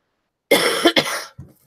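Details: Adult recovering from a cold, first day feeling better, with a still-running nose blamed for the cough: two harsh, clear cough bursts and a faint third, no wet or rattling quality; dry cough.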